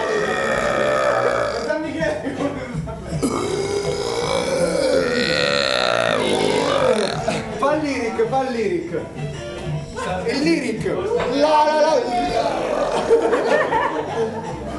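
Several loud, drawn-out belches with background music and some talk; burping.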